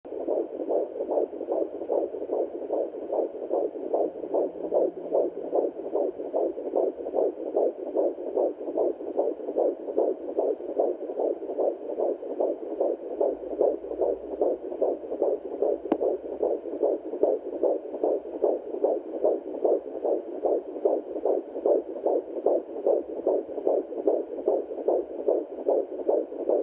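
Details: Fetal heartbeat of a baby boy at 14 weeks of pregnancy, recorded at home with a TempIR Angel Heart fetal Doppler: a fast, steady whooshing pulse of about 150 beats a minute.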